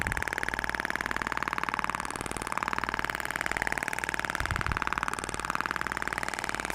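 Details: Steady, rapid clicking pulses, about two per second over a mechanical hum, from a Thork Ibramed shock wave therapy device firing at minimum energy during a facial treatment protocol.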